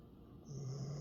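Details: A single low, rumbling, rattling breath, recorded 9 October 2023: snoring.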